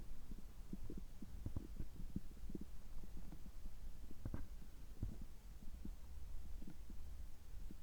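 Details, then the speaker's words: Bowel sounds recorded right after a gastroscopy (upper endoscopy) at a health checkup, with a normal result: faint low gurgles and rumbles over steady low background noise, ordinary stomach and bowel sounds. "ちょっと声が変ですけども、胃カメラ直後の、えお腹の音、胃の様子を聞いていただければ嬉しいです。"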